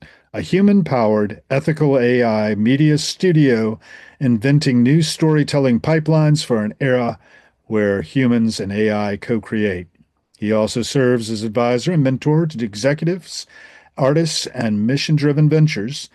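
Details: Adult man speaking; normal voice.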